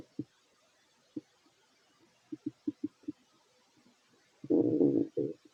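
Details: Fit male eating: scattered stomach gurgles and short pops, then a longer rumbling growl; ordinary stomach growling (borborygmi) during eating.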